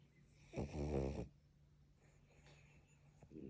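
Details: Sleeping French Bulldog snoring while dreaming: one loud rough snorting inspiratory snore, then soft breathing.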